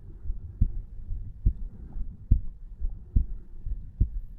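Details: A 34-year-old male at rest, lying in bed at night, records his own heart over the tricuspid area: steady low thumping at about 70 beats a minute, regular rhythm without added sounds, normal heart sounds.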